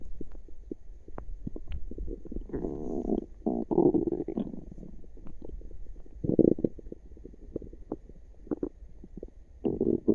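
Frequent gurgling and rumbling from the abdomen, with longer low gurgles between quick pops; active bowel sounds, normal digestion.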